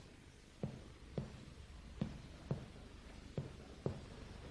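Six short, flat percussion taps in pairs with little ringing after each, in a quiet room: normal dullness over the liver.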